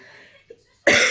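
After a quiet moment, one abrupt, harsh cough burst from an adult woman who has the flu.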